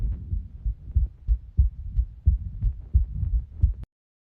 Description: this is far by the most clear “lub-dub” sound of my heart i have ever recorded.